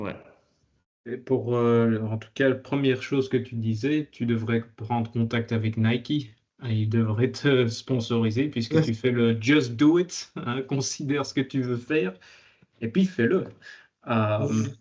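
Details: Adult man; normal speech.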